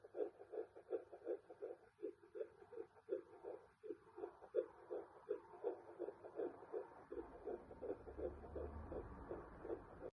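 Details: Fetal heartbeat at 11 weeks of pregnancy on a Sonoline fetal Doppler: rapid, regular whooshing pulses at roughly 160 beats a minute.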